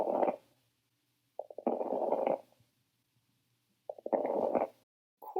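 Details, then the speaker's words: Fine crackles: breath sounds with brief, soft, non-continuous popping clicks at the start of each inhalation, likened to snap-crackle-pop cereal or hair rubbed between fingers by the ear. "fine crack will sound a little like the snap crackle pop cereal or if you take a little bit of hair and you rub it next to an ear twist it between two fingers you can hear little tiny soft non-continuous sounds that sounds like fine crackles"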